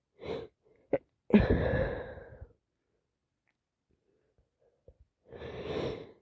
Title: Awful cold still here , sneezing, sniffing, blowing and some coughing